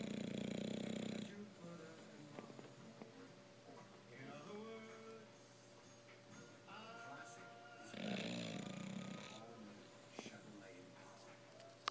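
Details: Sleeping bulldog, a very mild bout of its snoring: two loud rattling snores about seven seconds apart, faint music and household sounds behind; dog snoring.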